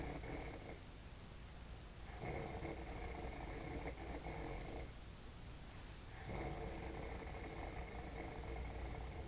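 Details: Man snoring in a hotel at 4:50 in the morning during sleep: soft rumbling snores recurring about every four seconds under steady room hum.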